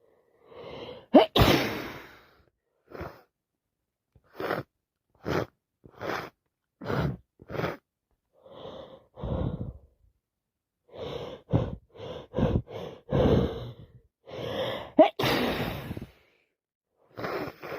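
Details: A run of sharp sneezes with quick inward gasps and sniffs between them; non-stop repeated sneezing during a head cold.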